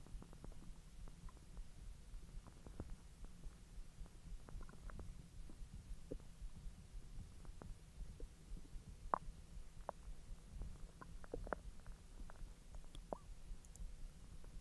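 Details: Belly recording while hot dogs are digested after the stomach was empty for 10 hours: soft, irregular gurgles and clicks over a low rumble; active bowel sounds (borborygmi).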